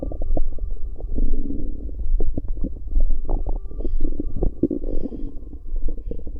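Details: Bowel sounds (borborygmi) recorded from a pregnant woman's stomach.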